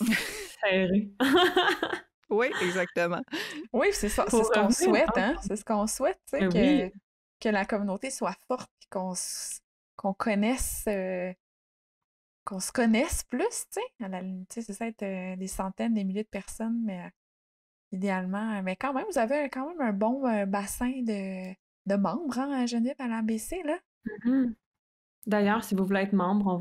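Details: Adult woman speaking French; fluent speech.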